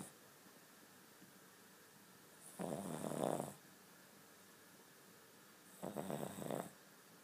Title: King Charles Spaniel Snoring